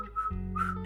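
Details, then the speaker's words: Two brief, abrupt whistle notes over a low steady hum: a whistling vocal tic in a person with Tourette syndrome, set off by reading about or hearing whistling. "even if it's just someone who doesn't have tourette's whistling if i hear them whistling that will usually trigger me to whistle like more than other tics"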